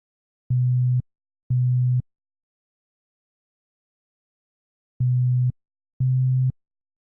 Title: Hearing Test 3 - 125Hz